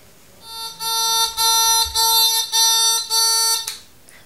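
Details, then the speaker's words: Infusion-complete alarm of a Bard syringe pump delivering IV antibiotics through a PICC line, set to run with the alarm on: six loud, shrill electronic beeps in a steady pulsing pattern, then silence. "I just turned it off because that sound means that your infusion has completed"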